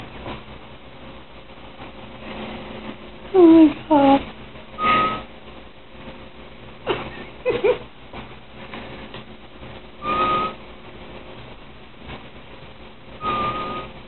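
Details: Adult woman asleep gives brief, high, thin whistles with her sleeping breaths instead of ordinary snoring, over quiet room noise; whistling during sleep breathing.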